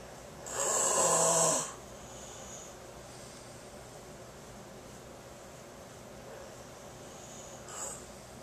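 One loud, harsh, rasping snore on an in-breath, then quiet breathing with a faint second breath sound near the end; snoring.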